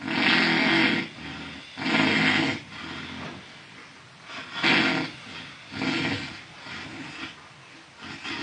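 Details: Loud, harsh, rattling snores with each breath, about five cycles over eight seconds; heavy snoring.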